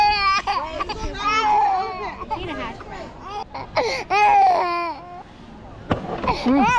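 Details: Young child crying: loud, drawn-out wailing bursts with sobbing breaths between and brief adult talk in a room.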